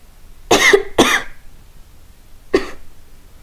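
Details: Three short, loose coughs in a quiet room, two close together and one after a pause, from a person who says they are getting sick with a stuffy nose.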